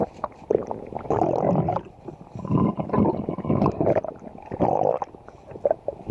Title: Bakii's stomach Growling